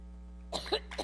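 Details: A woman in a severe coughing fit while speaking in New York: over a steady electrical hum, three short, harsh coughs in quick succession, heard over a public-address system.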